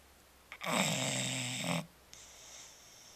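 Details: Napping bulldog snoring: one loud, buzzing, rattling snore on the in-breath lasting about a second, followed by a quieter breath out, in a quiet room.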